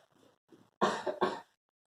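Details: Demonstrated cough from a school lesson on how to sneeze, yawn and cough: two soft breathy sounds, then two sharp, harsh cough bursts close together.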